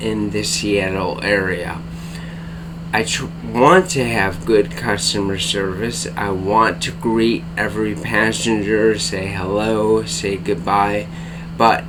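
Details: Dysarthria in an adult man with bulbar-onset ALS diagnosed April/May 2014, affecting speech and face, tongue and mouth muscles; tongue weakness, cannot speak rapidly, must take great care to speak clearly.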